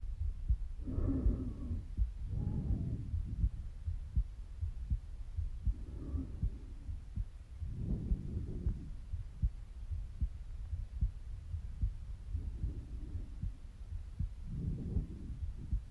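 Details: Normal breath sounds recorded over the left side of the neck, seated at rest with normal breathing: about six soft, rushing breaths with a low thumping pulse beneath.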